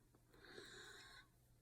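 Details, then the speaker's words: Adult on day 11 of cold-turkey crystal meth and amphetamine withdrawal, also in benzo withdrawal, having used THC, recorded about 2:20 a.m.: a single breath with thin high whistling tone, wheezing. "You'll hear me wheezing. That's because I've been indulging in a little bit of THC to help me with this withdrawal,"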